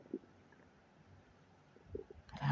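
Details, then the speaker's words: Persistent gurgling from the gut of a person sitting up during a digestive cleanse, who is unsure whether it is bowel movement or gas bubbles and feels unwell: bowel sounds (borborygmi). "if it's gas air bubbles that keep gurgling like this I don't know what it is guys but I am trying to catch it on video"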